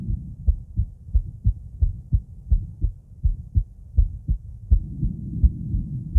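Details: Female heart auscultated with various stethoscopes at Erb's point, mitral, tricuspid, aortic and pulmonic areas: normal heart sounds.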